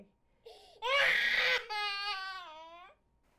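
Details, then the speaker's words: Infant with laryngomalacia (floppy voice box), endoscopic view of the larynx flopping inward, giving a harsh, high-pitched inspiratory stridor followed by a cry. "is another example look at how everything flops in and note the Strider"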